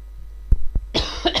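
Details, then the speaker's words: An adult man coughs briefly while talking during a live radio broadcast, then apologizes for coughing. "Извините, пожалуйста, я закашлялся несколько. Хотя, на самом деле, так глупо вот говорить то, что на самом деле случилось, я закашлялся."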